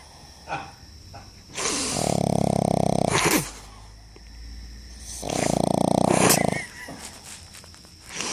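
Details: A pug: loud, rattling, fluttery snores on the in-breath with quieter out-breaths, about two breaths in eight seconds; snoring.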